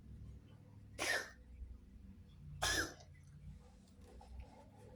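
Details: Cat coughing, recorded to show the vet, possibly asthma: two short, harsh, dry cough bursts about 1.5 seconds apart over low room hum.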